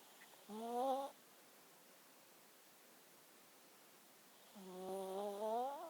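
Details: Puppy snoring: two soft, high-pitched, whistling snores on the breaths in, separated by a few seconds of quiet.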